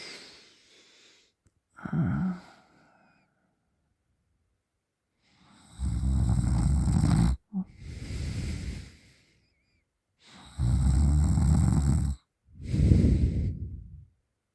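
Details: Sleeping person snoring with mouth open: loud, harsh rattling inspiratory snores, quieter expiration, long pauses, about 13 breaths a minute.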